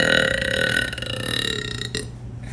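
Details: One long, loud, rumbling burp lasting about two seconds and trailing off at the end; burping.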